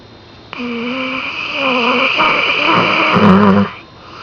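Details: Saint Bernard dog sleeping: a single long, loud, rattling and whistling snoring breath.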